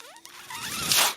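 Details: The speaker's own mechanical ventilator, audible during podcast speech; mechanical ventilator sound.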